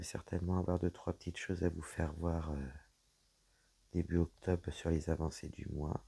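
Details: Woman with dysphonia after a serious health problem damaged her vocal cords; her voice is lower than before, at times weak, and she cannot speak loudly; low-pitched, creaky voice.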